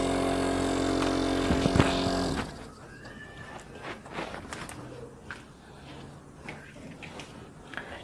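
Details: A compressor nebulizer pump under home repair for a pressure problem: a steady loud motor hum with a rapid pumping buzz, then it stops, leaving room noise.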